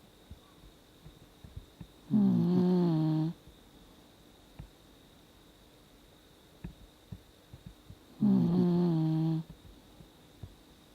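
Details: 17-year-old Dachshund snoring in deep sleep, snoring more in old age than when young; two loud humming, groaning snores about six seconds apart, roughly ten breaths a minute, over faint room hiss.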